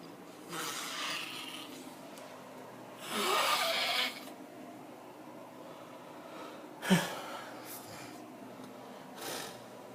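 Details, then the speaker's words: Human snoring during sleep at about one in the morning in a dark room: rough, rasping snores with each breath and a sharp snort in a quiet room; likened to an orc; snoring. "that's the story it sounds like an orc only it's a human being"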